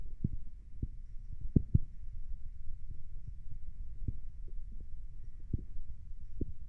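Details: Adult stomach noises recorded while lying down: low, irregular gurgles and soft pops, ordinary stomach rumbling or bowel sounds.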